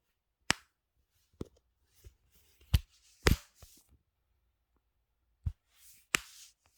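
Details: Knee popping: sharp, irregular pops and clicks, about six loud ones, from a moving knee; joint crepitus.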